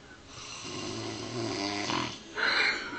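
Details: Son snoring loudly while napping on the couch: a loud, rough, rattling snore on the in-breath, followed by a breathy exhale.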